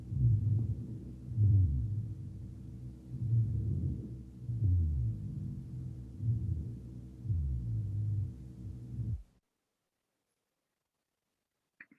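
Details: Rhonchi.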